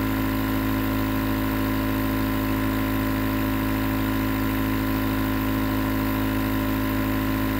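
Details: Nebulizer compressor running continuously, a steady motor hum with a rapid pulsing buzz, presented as 20 minutes of white noise for relaxation and sleep.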